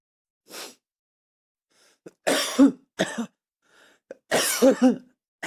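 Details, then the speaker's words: Streamer coughing during a live stream: a few short, ordinary coughs mixed with throat clearing, separated by quiet pauses. "Let's see if I just spend the whole 3 minutes coughing."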